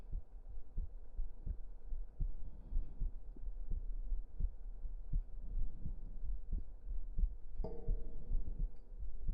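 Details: Close-up ASMR heartbeat recording: steady, soft low thumps at about 75 a minute over a faint hum; regular rhythm, normal heart sounds.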